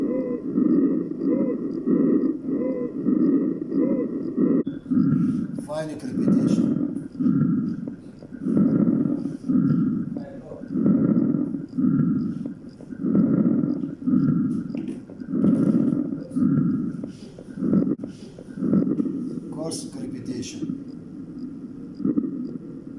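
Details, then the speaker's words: Normal vesicular breath sounds on a skills-lab heart and lung sound manikin: soft, low, rustling breaths rising and falling in a steady rhythm. "الآن سنسمع إلى normal vesicular breathing or normal vesicular"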